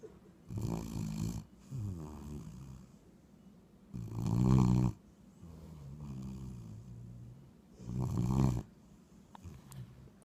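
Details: Sleeping dog snoring with loud, rattling inhalations and softer exhalations, about 16 breaths a minute.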